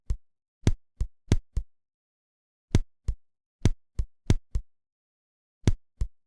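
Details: Simulated heart auscultation of trigeminy: two sinus beats then an extrasystole followed by a post-extrasystolic pause, repeating throughout, giving a grouped irregular rhythm.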